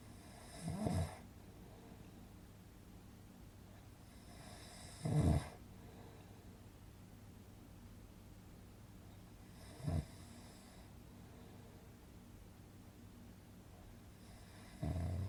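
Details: Relaxing snoring sound-effect recording for sleep: low, rumbling snores about every four to five seconds with quiet between; snoring.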